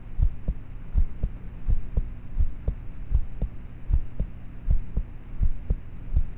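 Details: Normal heart sounds of a roughly 13-year-old, self-recorded at night with a cheap mp3 player microphone: low, regular heartbeats at about 80 a minute under a steady hum, poor, quiet quality.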